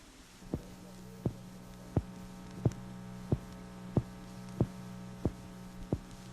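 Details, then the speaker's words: Heartbeat of an astronaut relayed from his sealed spacecraft before the first American manned orbital flight: steady, evenly spaced thumps at about 92/min over an electrical hum. "is the sound of human life the heartbeat of Lieutenant Colonel United States Marine Corps"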